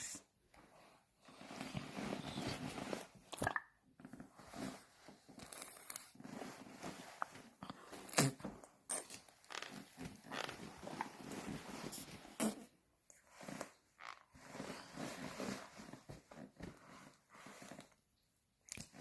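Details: A dog swallowing repeatedly with wet, gurgling throat noises between quiet pauses in a small room.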